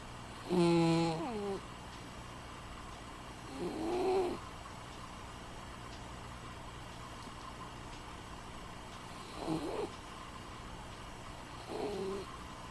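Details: Sleeping cat with genetic problems and obesity, recorded December 2015 on two different days: four slow, tonal, whistling-rumbling breaths about 18 a minute, with quiet pauses over a steady background hum; snoring.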